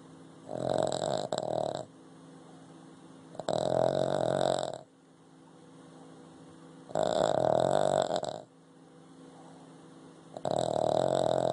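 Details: Four loud, rough snoring breaths roughly every three seconds with quieter breathing between, from a sleeping Boston Terrier, a short-nosed breed; ordinary snoring.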